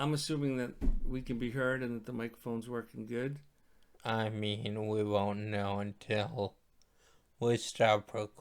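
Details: Adult man speaking; ordinary speech.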